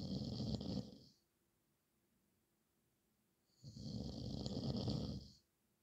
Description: horlama sesi gecelerimin kabusu horultu sesi